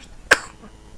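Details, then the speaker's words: 3-day-old newborn girl, just woken up, gives a single brief, sharp sneeze amid quiet room noise. "She's sneezing."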